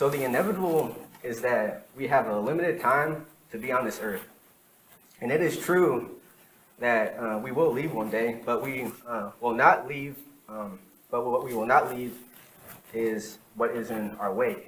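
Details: Adult man with lifelong stuttering, present as long as he can remember; real speech from his own 2013–2019 recordings. Finding: stuttering.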